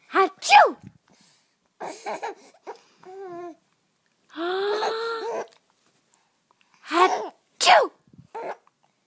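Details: A baby, 19 weeks old, sneezing between giggles and babbling, with a short quiet gap in the middle. Sneezing.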